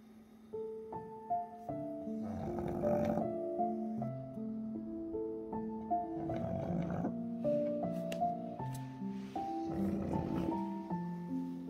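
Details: Soft, rough, rhythmic snores about every four seconds from a sleeping pug dog, partly masked by a gentle melody playing throughout; snoring.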